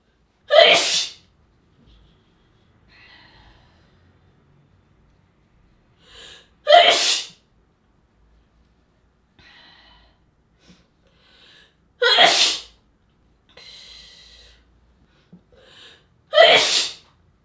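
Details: Sneezing sample: four separate sneezes, each a sharp, explosive burst preceded by a soft catching inhale.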